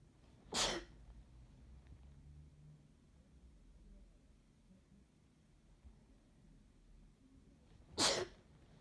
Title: Chhinkni sneezing